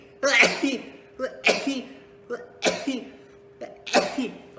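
Four sneezes in a row, each a short indrawn breath followed by a sharp burst of air and voice; a steady tone in the background.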